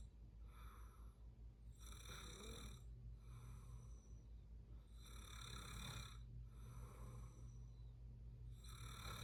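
Steady rhythmic snoring on breathing cycles, each breath carrying a rough rattling tone over constant low room hum.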